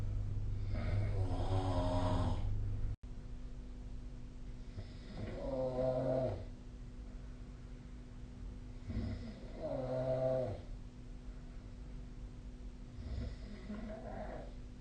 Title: 🐽 いびきの音 / Snoring Sleep Sound 2025/05/27